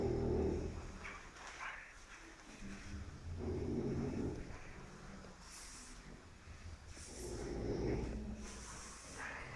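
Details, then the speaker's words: Snoring: slow, low, rumbling breaths recurring about every four seconds, roughly 15 a minute, with faint background noise. "ஒரு முரட்ட சத்தம்."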